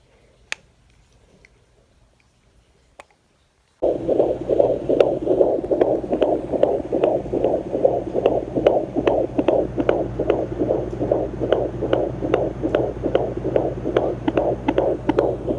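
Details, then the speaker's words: A pregnant woman expecting her fourth baby uses a home handheld Doppler and hears rapid, regular whooshing fetal heartbeat pulses, about 146 beats a minute, with no reading on the screen: fetal heartbeat. "i don't know if you guys can hear that but that's the baby finally found the heartbeat it's not showing me any readings but you can hear that"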